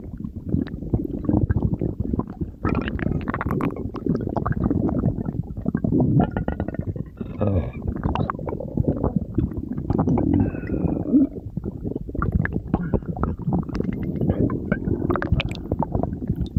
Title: stomach growling